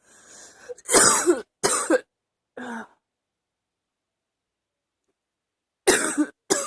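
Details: An adult gives about five harsh, deep coughs in two bouts separated by a pause, with the cough felt in the chest: a chesty cough.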